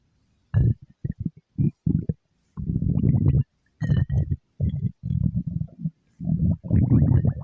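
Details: Low gurgling rumbles in a string of short bursts, a stomach growl like ordinary hunger bowel sounds, voiced for the game character Mystic Flour Cookie.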